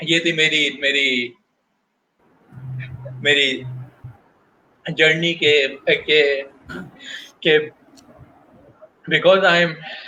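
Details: Adult male professional who stutters, speaking Hindi/Urdu about his job search; stuttering.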